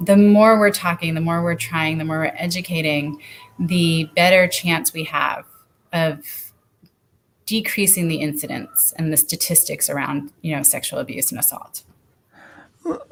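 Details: Adult woman speaking; typical speech.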